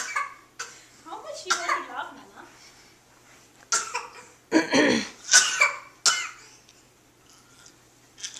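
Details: A child makes brief vocal sounds, then forces out about four short, deliberate coughs: a voluntary, fake cough.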